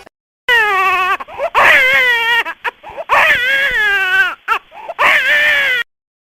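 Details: Infant crying, sound-effect recording: loud, high-pitched wailing cries in long bursts with short gasping breaths between.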